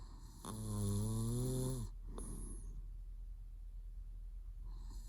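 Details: Adult man (boyfriend) in REM sleep with mouth twitching: one loud, low, buzzing snore over a second, then quieter breathing. Snoring.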